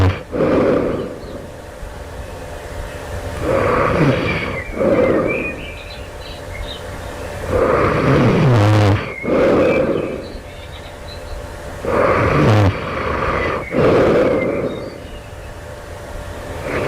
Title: loud snoring right before awakening, this night. do it sounds like i developing sleep apnea?